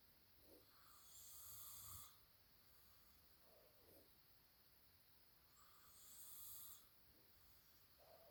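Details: Light snoring from an adult man (husband): quiet, hissy breathing in a noisy room with two longer rasping breaths about five seconds apart.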